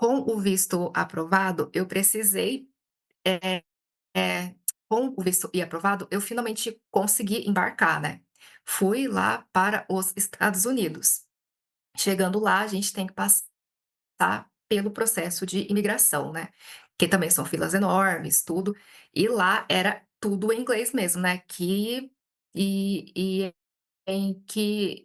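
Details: Adult woman who stutters, reporting blocks, speaking Portuguese in a stuttering-conference talk; stuttering.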